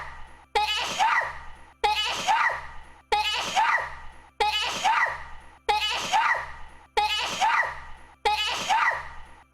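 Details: VTuber's loud, explosive sneeze from a stream, repeated seven times in a regular edited loop over low background music.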